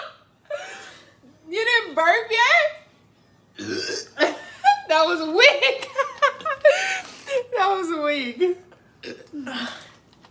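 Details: Drinking Sprite as fast as possible in a no-burping challenge: voices talking and laughing with a few rough, gulping belch sounds mixed into the speech; burping.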